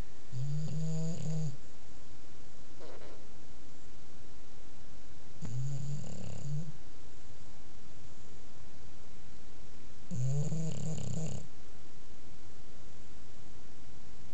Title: Duncan the bulldog snoring.